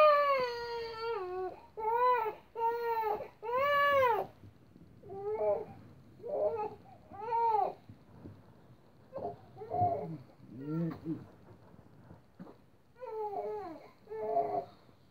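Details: A baby girl awake at 5 am, after falling asleep around 2 am, cries in repeated wailing bursts with short pauses for breath in a quiet room.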